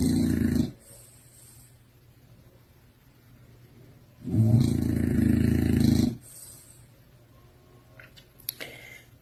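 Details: Sleeper snoring, said to sound like a human being, though the snorer's identity is unclear; loud, harsh rumbling snores in long bursts separated by pauses of about three seconds.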